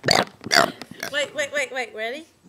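Two quick, harsh burps followed by a run of short voiced, laugh-like sounds; deliberate burping.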